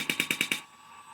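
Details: Chinese shockwave therapy machine from eBay, used for erectile dysfunction, operated with one control button: rapid sharp mechanical pulses, about ten per second, like a mini jackhammer; described as uncomfortable but not highly painful.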